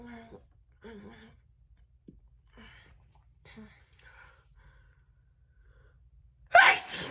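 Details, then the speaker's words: Woman feeling unwell, big wet sneezing: quiet breathy sounds and short vocal noises, then one loud, forceful sneeze at the end. "oh my god i have like a big towel down here because it gets messy so i just put a towel down i'm sorry oh i wasn't expecting him to be that powerful"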